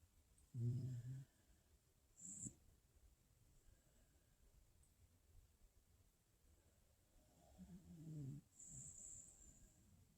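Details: Faint, soft, low snoring every several seconds in a quiet room from a 14-year-old dog while sleeping; snoring.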